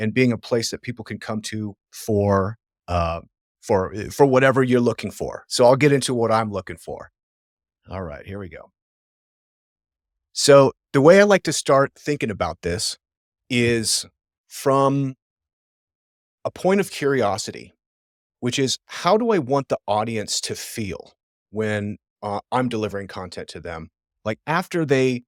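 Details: Adult man who says he stammers and stutters; word and phrase repetitions and a self-correction; stuttering.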